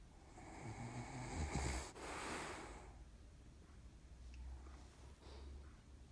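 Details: Dog snoring loudly while napping on a sheepskin rug: a rough, rattling, snort-like inhalation followed by quieter, low snuffling breaths.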